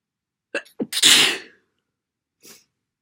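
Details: Very wet sneeze, possibly another cold: quick catching breaths, then one loud, wet, spraying sneeze and a soft sniff afterward.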